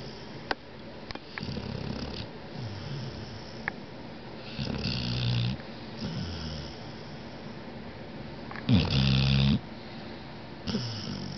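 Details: Pet named Poppy snoring, September 2009: low, rattling snore sounds in bursts with quieter breathing between them and a few faint clicks in the room.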